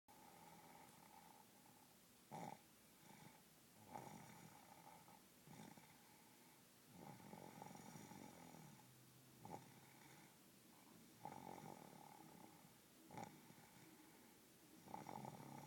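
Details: Soft snoring: quiet, rough breaths recurring every few seconds against a faint steady room hum.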